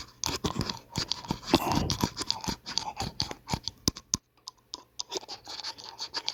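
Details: Teeth grinding (bruxism): rapid gritty scraping and crunching clicks of teeth grinding against each other.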